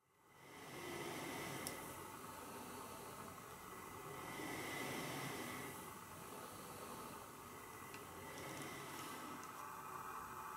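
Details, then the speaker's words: Adult with sleep apnea in bed at night wearing a CPAP mask: steady airy hiss of the machine pumping air, with slow swells of breathing. "die Apparatur die ihr da neben mir stehen seht ist ein Beatmungsgerät und dieses Gerät pumpt Nacht für Nacht Luft in mich hinein über diese Maske"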